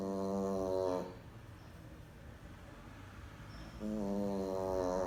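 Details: Sleeping pet dog (tagged Boston): two loud, buzzy, voiced snores separated by a quiet pause of about three seconds; ordinary snoring.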